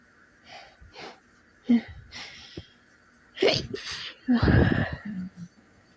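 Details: A few short, sharp sneezy bursts with breathy intakes between them in a quiet room, repeated sneezing after waking up in the morning; sneeze.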